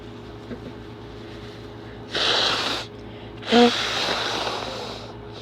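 Two quick, wet, hissing sneeze bursts with a long nasal blowing sound after the second, over steady room hum.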